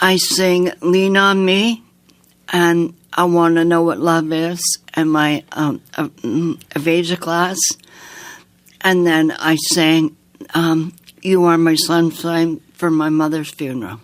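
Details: Woman with aphasia after an aneurysm, a heart attack and two strokes in 2012 at age 54; right-side paralysis; lost speech and relearned it over nine months with a speech-language pathologist; speech worse when tired in the evening; aphasia.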